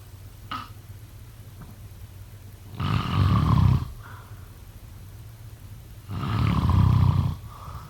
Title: #snoring #sleepnoises #snoringasmr #snoringsleepingsoundeffect #sleepsounds